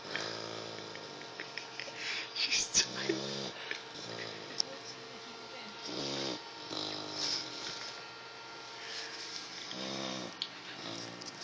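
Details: Dog sleeping after a barbecue: irregular nasal whistling snorts and low buzzy snores with room noise; snoring.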